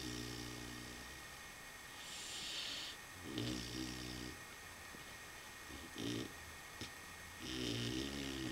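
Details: A 4-month-old puppy snores with low, buzzing, rattling breaths, several across the stretch, over a steady room hum; snoring.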